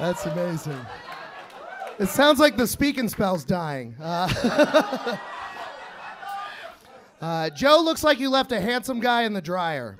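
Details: Adult male speaker with audience laughter; ordinary speech.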